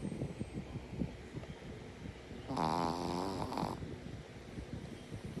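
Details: Shih Tzu dog snoring: a single rattling, buzzing snore lasting about a second over steady background noise. Snoring.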